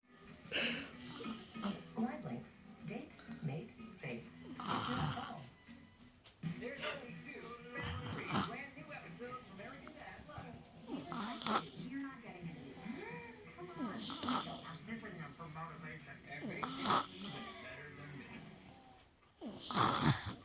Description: The weird snoring came back moments later.